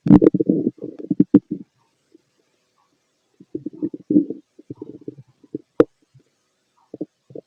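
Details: Fit adult male's abdomen through a stethoscope during digestion of a mixed meal: irregular gurgles and rumbling bursts with quiet gaps, normal active bowel sounds.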